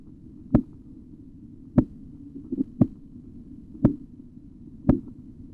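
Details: Korotkoff sounds during auscultatory blood pressure measurement: sharp tapping beats at about 58 a minute over low rumbling noise.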